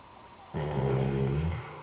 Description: Do they make Breathe Right Strips for dogs?